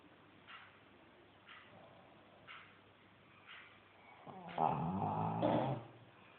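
Soft, evenly spaced breathing puffs about once a second, then a louder rough, rattling snore; snoring during sleep.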